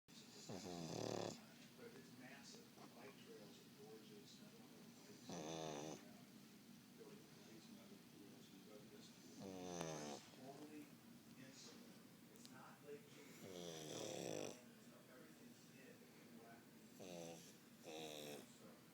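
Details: Pug snoring: short nasal snorts with a whistling, rattling edge, recurring every few seconds in a quiet room.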